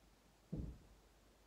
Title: I sneeze into my pillow